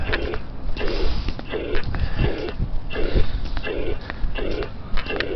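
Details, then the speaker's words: Mitral regurgitation: regular heartbeat near 75 a minute with an even, steady blowing murmur throughout systole, a uniform holosystolic (plateau) shape from a constant left ventricle–left atrium pressure gradient. "Next we have mitral regurgitation. The pressure gradient between the left ventricle and left atrium remains relatively constant throughout systole, resulting in a uniform or holosystolic shape."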